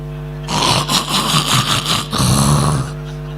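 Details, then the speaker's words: Comedian imitating someone's loud snoring (nose-snoring) that fills a whole hall, in a comedy routine: imitated snoring. "પણ અમુક અમુક તો હુતા હોય ને તો આખો હોલ ગંજવતા હોય"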